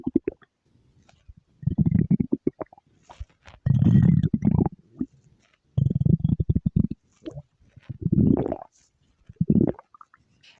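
Low gurgling rumbles in several bursts separated by quiet gaps: ordinary stomach growling, normal bowel sounds.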